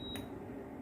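A single short, high beep over room noise as an automatic blood pressure monitor switches on.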